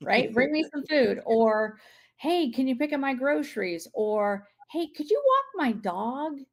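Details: Adult woman speaking; Normal speech.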